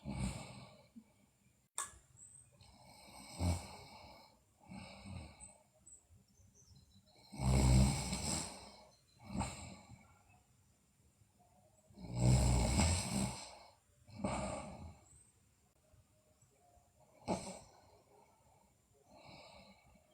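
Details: Sleeping girl, also described with bruxism and delirium: irregular snoring, loud rattling snores alternating with softer breaths, about 13 a minute, in a quiet room.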